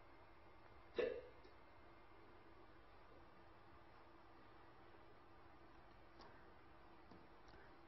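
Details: Hiccups, demonstrated in a Chinese medicine diagnosis lecture on listening and smelling examination.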